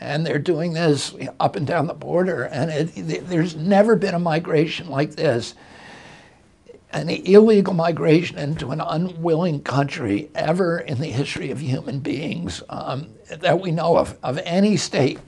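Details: Adult male, real case, speaking in an interview: spasmodic dysphonia beginning in 1996 at age 42 after a neurological injury, attributed to the brain sending wrong signals to the vocal cords, not to the cords themselves.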